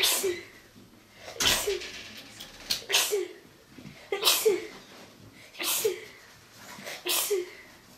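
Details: 15-year-old girl, ill for a week to ten days and referred to hospital for investigation: six forceful sneezes in eight seconds, one after another without pause; repeated, uncontrolled bouts of sneezing.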